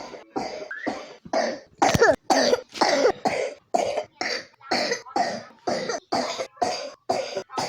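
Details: A 3-year-old child with pneumonia coughs in a long, rapid run of about fifteen repeated coughs with brief gaps between them: pneumonia cough.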